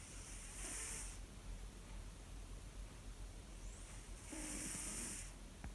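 Two loud, rough, hissing snores from a sleeping cat, several seconds apart, over quiet room noise: snoring.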